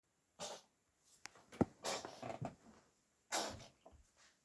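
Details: Female cat with a cold sneezing repeatedly for about 20 minutes: several short sharp sneezes with snuffling breaths between them.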